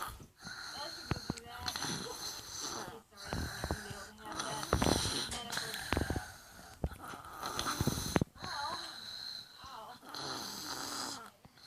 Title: Snoring 2 yr old